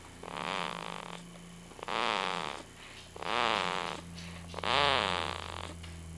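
Four loud, rough, rattling snores on inward breaths, about every 1.5 seconds, over a steady low hum of room noise; ordinary snoring.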